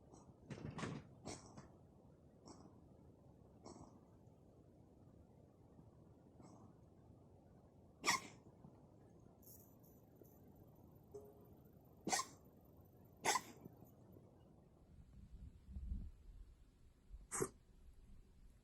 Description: The video shows the symptom of coughing in cats in various conditions.